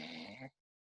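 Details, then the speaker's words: Imitated snore: one brief, harsh, voiced snort of about half a second by an adult, illustrating snoring when the airway partly closes as a sleeper returns to stage four deep sleep. "the brain waves go from stage four to wakefulness for like a blip for a second or so and then the person goes back down into their deep sleep to go back to stage four to try to get rest and they start snoring"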